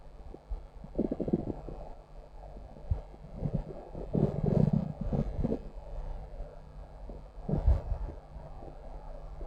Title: Stomach growl